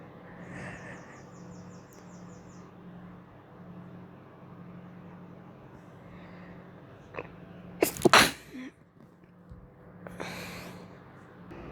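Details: Sneeze: indrawn breaths building to one sharp, explosive sneeze, then a softer blowing sound, over steady room hum.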